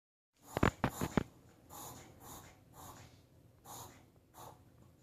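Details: A small dog has a severe reverse sneezing episode: a quick run of snorting pulls, then repeated rasping, honking inward breaths.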